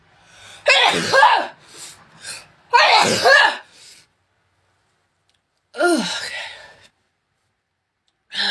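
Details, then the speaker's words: Girl sneezing during a Covid-19 nasal swab test: two loud sneezes in quick succession, then a third, triggered by the swab; she says last time she couldn't stop sneezing for 10 minutes. "okay let's do it i hate this last time i did this i couldn't stop sneezing for 10 minutes"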